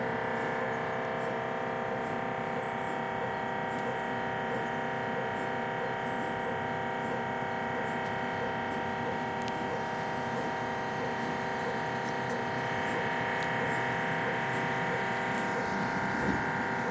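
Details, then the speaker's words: MRI scanner noise recorded from outside a mobile MRI trailer in a hospital parking lot during a brain scan checking a brainstem mass: steady loud mechanical hum with fast regular knocking pulses, muffled through the wall. "I'm outside the trailer you can imagine how loud an MRI is being inside the machine [Music] I'm just gonna be quiet and let you listen to what a number I sounds like"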